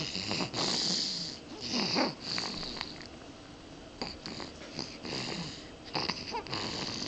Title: Snoring